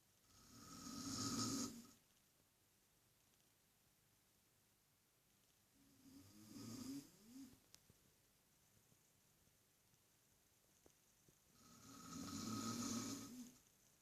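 Loud, rough snoring on the in-breath, three snores with long quiet pauses between, in a quiet room.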